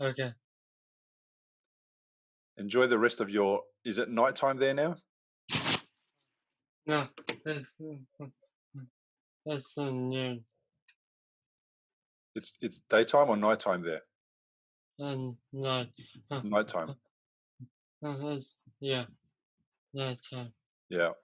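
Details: Male who had a stroke from a ruptured arteriovenous malformation at age 15 that left him in a coma; three years later he has post-stroke aphasia, with trouble getting words out rather than understanding: aphasia.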